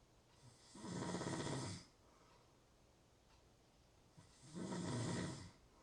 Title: Natural Snoring Sounds- Real Snoring, Ambient Sounds.